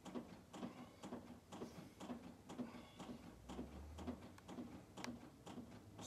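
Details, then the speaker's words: Steady rhythmic thumps and clicks from continuous chest compressions on a training manikin, about 120 a minute, during a basic life support and AED demonstration by an ambulance service instructor; CPR chest compressions. "we're going to keep compressing and it is quite tiring so if you do have other colleagues around that can help every minute or so swap over and just keep compressing that chest"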